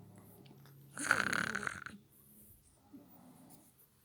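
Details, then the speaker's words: 8-year-old boy sleeping: one loud, rough, rattling breath of about a second followed by quieter breathing; a single snore. "This is my grandson. He's snoring, and he's only 8."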